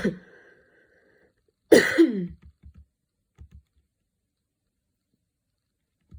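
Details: Coughing fit that came on suddenly on a Saturday afternoon while studying, minor at first then worsening, changing positions: a single forceful cough followed by brief throat noises and light clicks in a quiet room.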